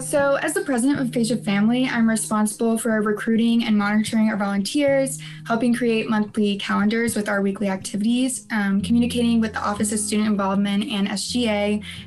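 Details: Adult woman speaking; normal speech.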